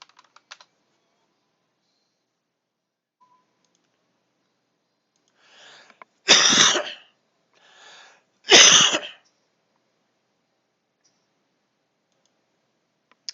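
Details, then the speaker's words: Two sharp, explosive adult coughs, each preceded by a softer breath-like sound, in a quiet room during a live stream with music muted; cough. "H that's funny I muted the music uh while I coughed so you guys heard me cough and did not hear the music while"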